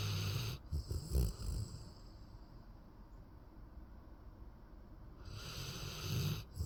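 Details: Sleeping Golden dog: low, rumbling, fluttering breath noises in two bursts with a quieter pause between: snoring.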